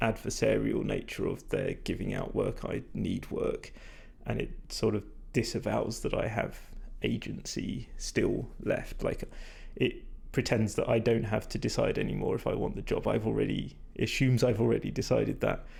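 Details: Adult man whose voice, by his own account, is degraded and stressed from talking a lot without drinking enough, not at its peak condition; vocal fatigue.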